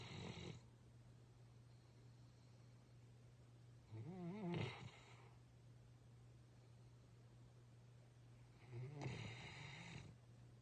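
Two or three rough, low rumbling breaths about every four to five seconds over a steady hum: snoring from a sleeping bear.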